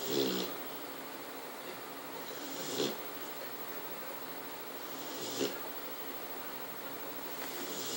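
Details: Snoring from a sleeping pit bull: soft, rumbling snores about every 2.5 seconds, roughly 23 breaths a minute, over steady background hiss.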